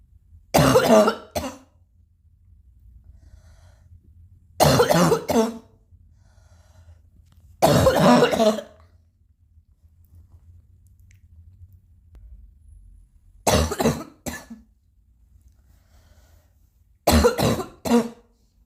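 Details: Adult still coughing a little: five short bouts of coughing, several in quick pairs, with quiet gaps and throat clearing between them.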